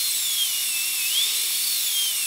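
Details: Full zirconia crown preparation, tooth number three (upper molar), rounded shoulder: thin, piercing, slightly wavering whine of a high-speed dental drill placing an occlusal guide cut on the oblique/triangular ridge with a 1 mm diameter bur.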